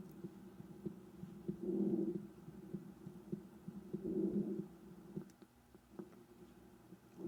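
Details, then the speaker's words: Normal vesicular breath sounds on auscultation of the posterior chest wall, patient with hands on opposite shoulders: soft, low-pitched sounds swelling with each inhalation. "tendremos al murmullo vesicular es audible durante la inspiración y al comienzo de la fase inspiratoria es sonido de baja frecuencia intensidad y de percepción agradable ruidos pulmonares normales"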